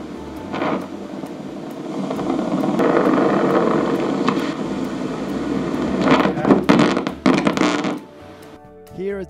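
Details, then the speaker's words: Laryngeal needle EMG during Botox injection into the vocal cord of a woman with spasmodic dysphonia: crackling, static-like signal with louder bursts, showing the needle tip sits within active vocal cord muscle. "When the tip of the needle is correctly positioned within the muscle of the vocal cord, the EMG machine will emit a sound consistent with muscle activity."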